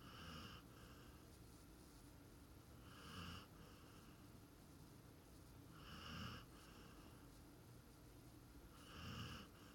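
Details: Woman snoring while asleep: regular soft snores about 20 a minute, each a brief rasping, slightly whistling breath over quiet room hiss.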